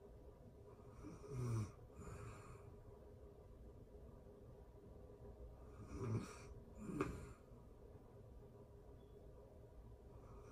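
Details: Real-time recording of a person asleep: soft, low rattling snores on slow, uneven breaths, with faint room hiss in between; snoring.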